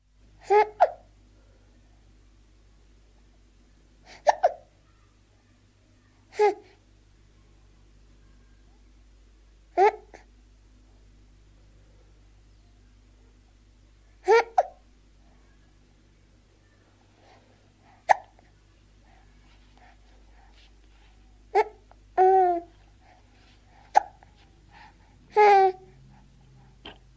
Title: Baby Hiccoughing and Gurgling